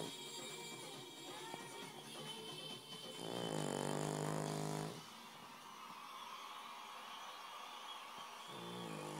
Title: Missy, The Snoring Dog!!!!!!